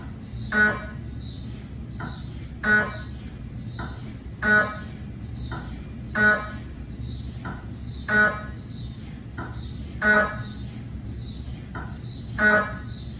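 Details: Cardiac MRI sequence on a GE 3T scanner with 8-channel cardiac coil, test phantoms rather than a patient: loud rhythmic buzzing bursts about every two seconds over a steady hum; MRI gradient noise.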